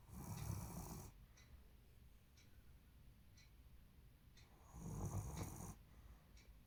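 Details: Loud snoring from a sleeping German Shepherd dog: two loud, low, rumbling snores with a quiet pause between.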